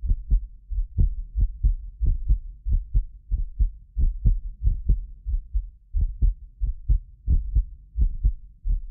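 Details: Real heartbeat of a medically fit person recorded with multiple precision contact microphones: regular paired lub-dub at about 90 a minute, occasional double clicks from a ~6 ms inter-microphone delay, not heart disease; normal heart sounds.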